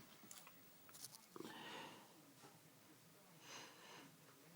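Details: Sunday-evening sneezing fit that began within the last hour: a couple of sharp sneezes with sniffing and a breathy exhale afterward in a quiet small room; repeated sneezing bout.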